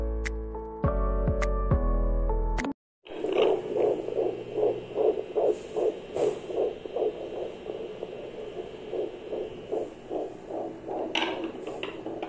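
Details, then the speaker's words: Fetal heartbeat of a baby girl on Doppler at a prenatal visit: rapid, regular whooshing at about 150 beats a minute, after a brief musical intro; all was fine. "Consegui consultar escutar o coraçãozinho do neném tá tudo bem graças a Deus"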